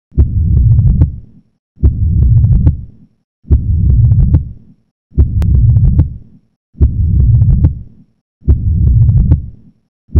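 Six slow, regular beats, each with a loud first sound and a long low rumbling murmur, a murmur of aortic regurgitation.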